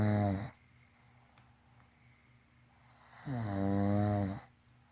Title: Hyderabadi snoring competition.. Humla aisich sote..